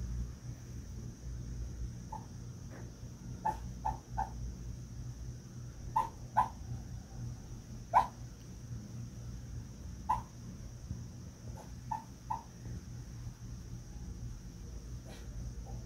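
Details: Sleeping Bichon dog dreaming often: soft, brief muffled yips and whimpers, harmless sleep vocalizations (dreaming).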